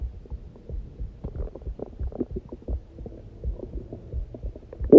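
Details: Normal heartbeat, soft regular thumps at roughly 70 a minute, mixed with gurgling stomach growling (bowel sounds) from a person who says they were starving.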